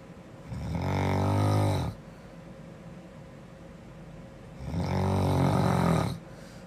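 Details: Snoring in a girl: two long, loud, rattling inhaled snores about four seconds apart, near fifteen breaths a minute.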